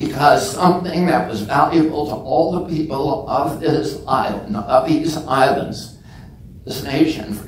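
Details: Adult man with spasmodic dysphonia (self-described as spasmodic dystonia), onset at age 42 after a previously strong voice; he says the voice tremble lessens or goes away after speaking a while and is not painful.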